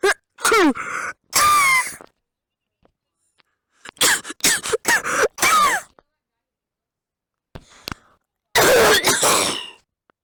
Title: Yey its Bronchits and sneezing part 3